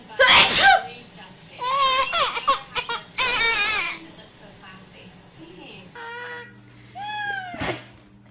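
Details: Several short, high-pitched sneezes from a baby, then fussing and a brief cry, with adult voices nearby; infant sneezing.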